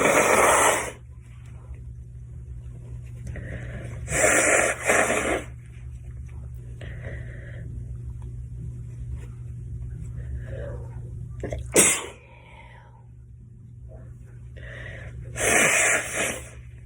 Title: cute girl sneezing fit & nose blow